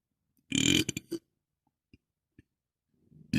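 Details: Burp sound-effect recording: a loud gurgling burp followed by a couple of shorter trailing belches, then faint clicks; burping.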